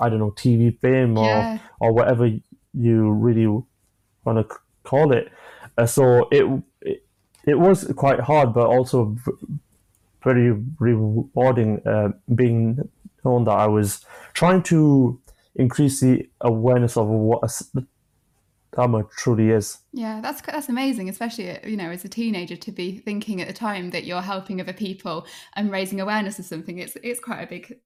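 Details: Adult man, 25, with a stammer since early childhood (after an asthma attack), who manages blocks with breathing techniques and pausing; stammering.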